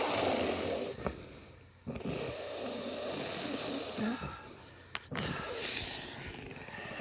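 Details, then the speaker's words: Woman in deep sleep after a tonic-clonic seizure in which she bit her tongue, in the presumed postictal phase: harsh, rasping snoring breaths with brief pauses: postictal snoring. "you can hear me snoring again this seems to be the thing that happens after every seizure I'm assuming that this is the postictal phase"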